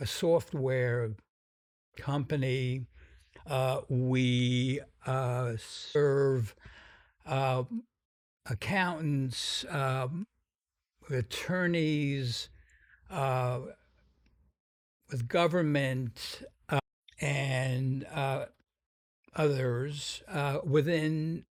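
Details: Stuttering in an adult man described as having a pretty strong stutter whose severity varies; stutters sometimes noticeably.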